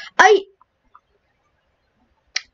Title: REVERB SNEEZES!